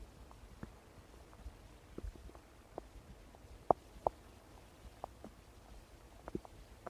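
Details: Quiet, irregular gurgles and short pops over a faint hiss, with some slightly louder bursts: ordinary stomach rumbling (borborygmi).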